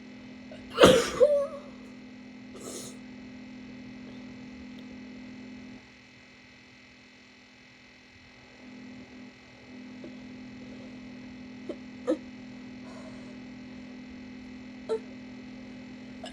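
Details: Female sneezing while sick: two abrupt, barking sneezes in quick succession, then a softer one, over a steady room hum.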